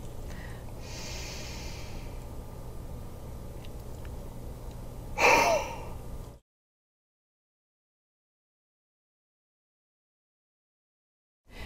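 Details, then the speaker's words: Instructional demonstration for children: soft belly breath in, held 3 seconds, then one forceful open-mouthed O-shaped exhale like fogging a mirror; huff cough (forced expiration technique). "the last step is to Exhale like you're fogging up a mirror until all of the air is out of your lungs"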